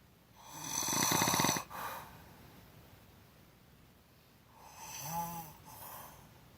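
Two breath cycles: a loud, fluttering, rattling inhaled snore, then a softer, breathy one with a faint voiced tone; open-mouth snoring.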